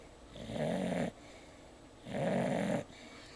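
Two steady rumbling snores, each about a second long, on breathing in; a sleeping dog snoring.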